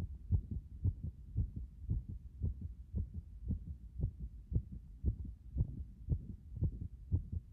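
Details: Heart after compression: regular low thumping heartbeat at about 115 beats a minute, somewhat fast, with a muffled rushing quality between beats.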